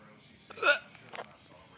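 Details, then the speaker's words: Self-recorded hiccups: a short voiced hiccup with a faint follow-on sound. "I'm gonna record my hiccups."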